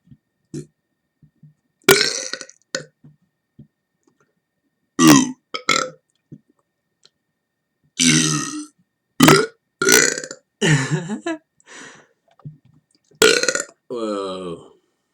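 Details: Simulated, deliberate air burping: a string of about seven or eight loud burps with short silent gaps between them; burping.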